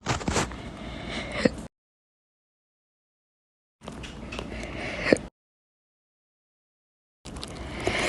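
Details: Slow hiccups, audio only: brief sharp gulping clicks about 3.6 seconds apart, roughly 16 a minute, over a steady hiss with silent gaps.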